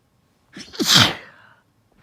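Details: Induced sneeze in a female after a cold: a short breathy wind-up, then one forceful, hissing sneeze fading into an exhale in a quiet room.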